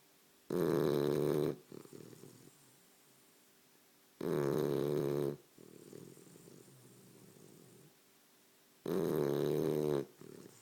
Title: Bulldog sleeping and snoring